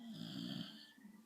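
A low, rattling buzz on a single breath in from a sleeping dog, fading as the breath ends: snoring.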